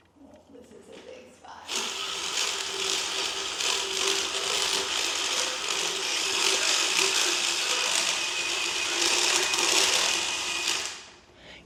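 Steady high-pitched grinding and whirring for about nine seconds, then a brief louder sound at the end: a motorized dental float reducing a horse's tooth.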